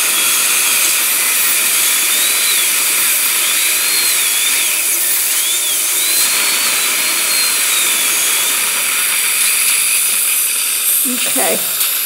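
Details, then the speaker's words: Steady high-pitched whine with shifting pitch from a dental high-speed handpiece cutting a root canal access opening in a tooth on a training model, after anesthetic and rubber dam placement; high-speed handpiece drilling. "so you can see that we've already done anesthetic under patient and we've placed our rubberdam so the next thing we're going to do is to our access product"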